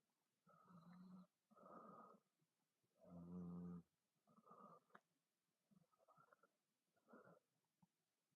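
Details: Loud, rough, rhythmic snoring from a girl, six snores in eight seconds (about one every 1.3 seconds), some with a fluttering buzz; heavy snoring.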